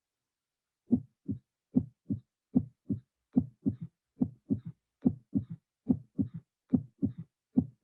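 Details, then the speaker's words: Teaching recording of mitral regurgitation radiating to the axilla, with the first three beats filtered: then a low-intensity, low-frequency third heart sound ("boom") appears, followed by the systolic murmur. "the third sound is a low intensity low frequency sound is not like is like boom is low frequency sound"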